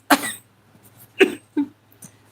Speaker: That stupid dry cough, man. It sounds like I smoke or something and I don't I don't know where that's come from.